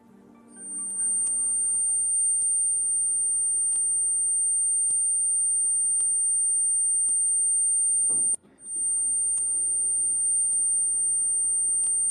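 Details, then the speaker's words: Simulated high-frequency tinnitus: a steady, piercing high-pitched whine over a low hum. "claro este es el agudo del que usted hablaba doctor este es un ruido si esto es un ruido agudo"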